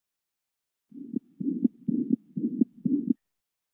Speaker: they more or less generate the same kind of sound which is essentially a pen systolic murmur again similar to that of mitral regurgitation